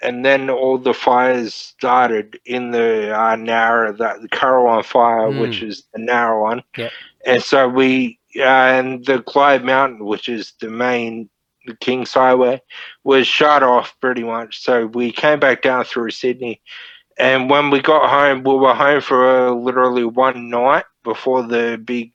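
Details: Ataxic dysarthria from Friedreich's ataxia, a neurodegenerative disorder, in a 31-year-old man diagnosed at 14 and using a wheelchair since about 23; he reports slurred speech and struggling with words as part of the disorder.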